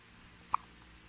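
A single short, sharp hiccup in a quiet room.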